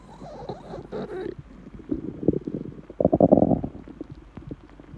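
Low, bubbling gurgles and rumbles in bursts from an empty stomach; ordinary hunger growling.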